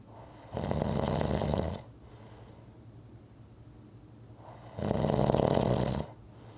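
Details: Rhythmic snoring recording: two long, rough, rattling snores on breathing in, separated by quiet breathing out; ordinary rhythmic snoring.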